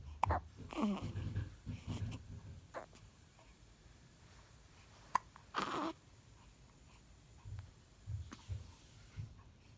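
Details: Newborn baby boy with hiccups, not bothered by them: a few brief, sharp catches in breathing and faint fussing in a quiet room.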